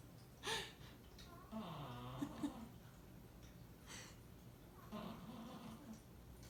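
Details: Snoring.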